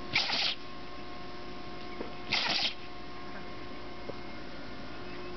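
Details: Two short, sharp sneezes from a puppy that got sand in her nose, against a quiet room with faint hum; sneezing from nasal irritation.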